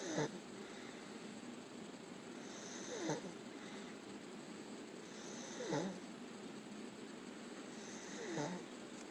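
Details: Person snoring after falling asleep during a 24-hour video EEG for suspected seizures: rhythmic snores about every 2.7 seconds, around 22 breaths a minute, with short rising whistly notes over steady hiss.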